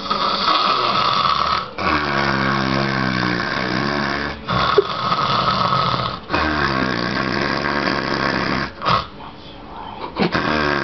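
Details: Loud, continuous buzzing snores in long cycles of about two to three seconds with short breaks between breaths, possibly a performed snoring impression; snoring.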